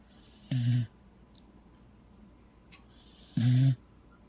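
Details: Corgi asleep under a blanket, propped up on a couch: two short, low snorting snores about three seconds apart, roughly 20 breaths a minute; snoring.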